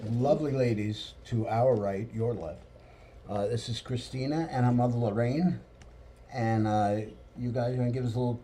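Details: Adult male speaker; Normal voice.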